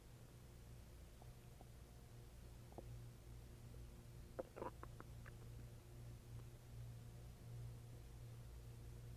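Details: Adult stomach growling (borborygmi) while eating and drinking water: low steady hum with scattered gurgles and a brief cluster of squelching bowel sounds.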